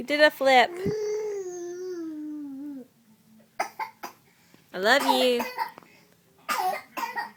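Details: Infant boy gives several short, sharp cough bursts between whiny vocal sounds, passing gas as he coughs; cough.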